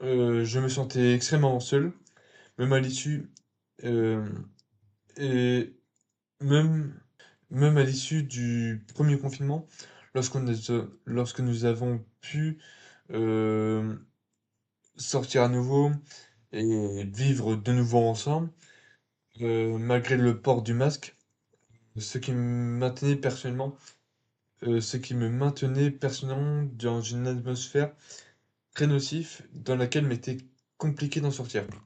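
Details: 22-year-old man who has stuttered since early childhood after a slight speech delay, followed by a speech therapist and using filler words and fluency techniques; stuttering.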